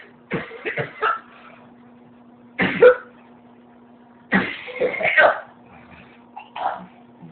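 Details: Person who has spent most of the day coughing, described as coughing up a lung: repeated harsh coughs in several clusters over a few seconds, with a faint steady hum behind; persistent cough.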